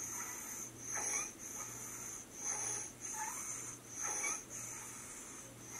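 A child breathes fast and noisily with a harsh, high-pitched crowing sound on each breath: stridor from croup.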